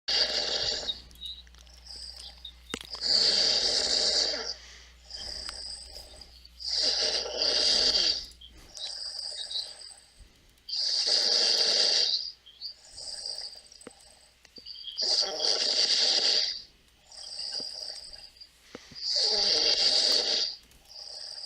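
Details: Steady, rhythmic snoring from a sleeper, with rasping breaths repeating about 15 times a minute.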